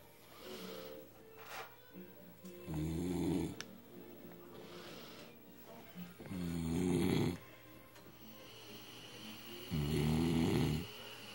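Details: Adult man, a heavy alcohol drinker, snoring in sleep: deep, croaking bullfrog-like snores about 17 a minute, each followed by a quiet exhale, over soft background music; heavy snoring.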